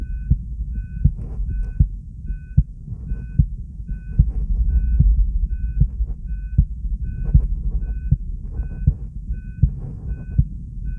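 Regular, steady low heart thumps at about 79 beats a minute, with soft repeating monitor beeps in the background; a normal heartbeat.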